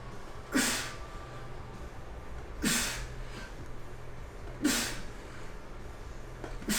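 Loud, forceful breaths come about every two seconds, around 30 a minute, over a low background hum: heavy breathing after exertion.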